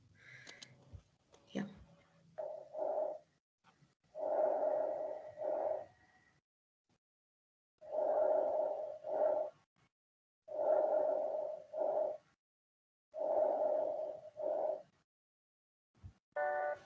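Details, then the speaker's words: Lung auscultation teaching example: soft rustling breath sounds in regular in-and-out cycles, about 22 a minute, lower-pitched as sound travels from trachea to lung periphery; normal vesicular breath sounds. "entonces conforme va pasando desde la tráquea a los pueblos va a ir disminuyendo en gravedad no entonces se va a escuchar algo así"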